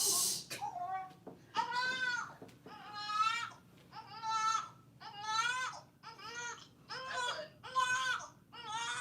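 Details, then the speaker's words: Baby boy crying loudly in rhythmic wailing bursts, angry because he just peed on himself again; an ordinary upset infant cry. "Okay. He's angry because he just peed on himself again."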